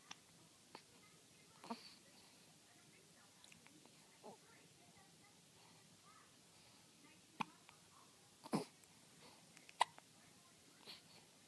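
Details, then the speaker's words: Baby hiccups: about eight soft, brief hiccups over eleven seconds at irregular spacing, in a quiet room; normal infant hiccups. "We don't like those hiccups, do we?"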